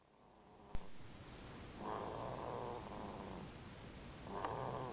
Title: snoring!